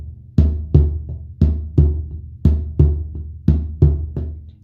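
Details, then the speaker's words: Snare-drum imitation of heart sounds, not a real heart: two firm beats for the first and second sounds followed by a softer third sound in diastole (rapid ventricular filling); a third heart sound (S3) gallop. "Primero vamos a hacer el primer y segundo ruido, los normales, y después le vamos a agregar el tercero. Sonaría así. Primer y segundo. Y el tercero"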